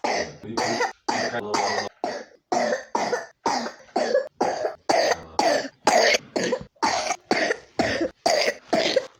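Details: A 3-year-old child with pneumonia gives a rapid, repeated run of about eighteen short coughs.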